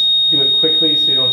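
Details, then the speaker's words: A Dräger Evita XL ventilator sounds a steady high-pitched alarm tone over speech during the audible alarm sound check of its pre-use device check. The check is run with a test lung. "it says auto bull alarm sound check confirm with yes even"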